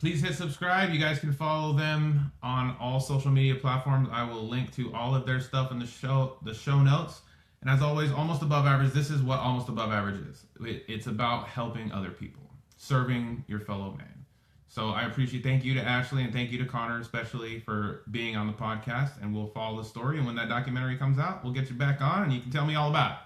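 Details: Adult man speaking; typical speech.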